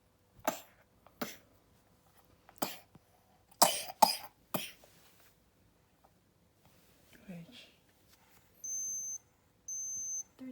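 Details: A child gives six sharp, dry cough bursts, one pair close together, then a brief vocal sound and two steady electronic beeps in a small room; coughing.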